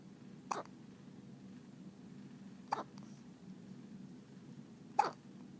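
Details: Three short, sharp hiccups at roughly two-second intervals against quiet room noise; hiccups.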